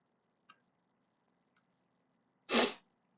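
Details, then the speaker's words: Person who is a bit sick with coughing and sneezing: one sharp, explosive sneeze after a couple of faint clicks, in a quiet room. "I'm a bit sick, which is kind of why I sound so dead and why I'm coughing and sneezing so much. Apologies."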